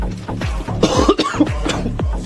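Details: Adult gives a short run of about three harsh, dry coughs over background music: an inspector coughing from the stench during an inspection of a Chengdu snail-noodle takeaway shop.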